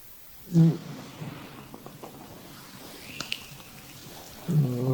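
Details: Woman's abdominal massage with applied oil while she breathes in and out slowly on instruction: low gurgling rumbles over soft rubbing noise, normal bowel sounds (borborygmi).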